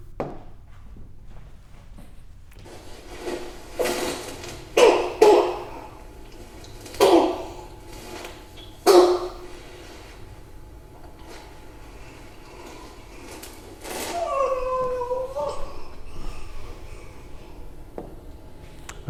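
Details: Inspiratory stridor (croup).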